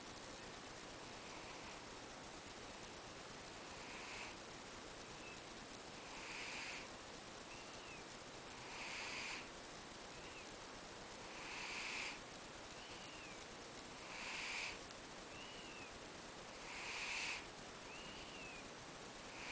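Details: Soft, regular breathy snores with small whistling sounds between them, about 23 breaths a minute, against steady hiss: a sleeping cat snoring.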